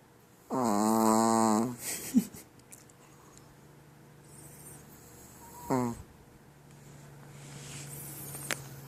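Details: Chihuahua snoring: a short, high, whistling nasal snore followed by a brief softer snort in a quiet room.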